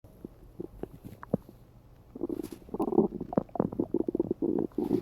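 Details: Morning stomach growling (borborygmi) from gas and hunger, recorded by a phone under the half-asleep person lying on it: irregular gurgling, bubbling and squeaky rumbles, growing busier toward the end.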